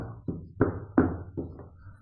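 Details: Finger-tap chest percussion comparing the two sides gives hollow, resonant, balloon-like notes that fade quickly; in the prehospital setting this suggests air in the pleural cavity, a possible sign of pneumothorax.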